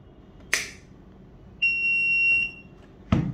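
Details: Philips HeartStart FRx automated external defibrillator in a training demonstration: a sharp click, a steady high electronic tone lasting about a second, then another click as the pad connector is plugged in; the AED alert tone.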